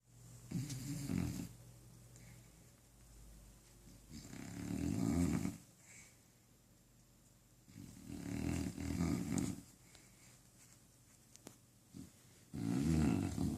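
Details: A dog fast asleep and apparently dreaming, snoring loudly with fluttering snores about every four seconds and softer breathing between; snoring.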